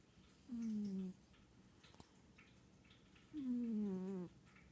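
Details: Cat snoring gently: two soft, whistling, slightly tonal breath sounds about three seconds apart, with a water fountain trickling behind.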